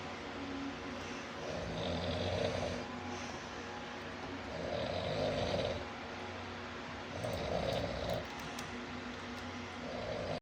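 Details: Father snoring during sleep: loud, rough snores recur about every 2.7 seconds, roughly 22 a minute, over a steady low background hum; ordinary snoring.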